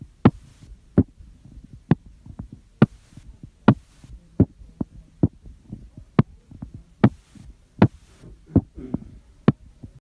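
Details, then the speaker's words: Sharp crunching clicks in time with the heartbeat, about 65 a minute: mediastinal crunch (Hamman's sign) from air in the mediastinum (pneumomediastinum). "it usually produces severe central chest pain and may be spontaneous it has been reported in cases of tracheobronchial injury blunt trauma pulmonary disease use of recreational drugs childbirth and rapid ascent from scuba diving"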